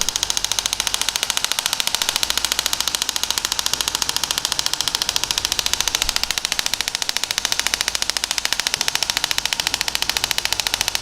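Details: Radial shockwave therapy for plantar fasciitis, linear 15 mm handpiece applied over the sole/plantar area in shifting passes: rapid steady clicking pulses of the compressed-air device firing.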